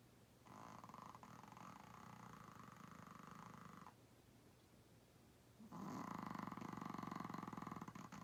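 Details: 8 lb Chihuahua-Pug mix dog: loud rattling snores, two long buzzing breaths with a quieter pause between; snoring.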